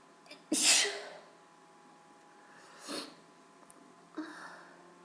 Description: I'm still at the mercy of my allergy, so I recorded this for a request for some wet sneezes.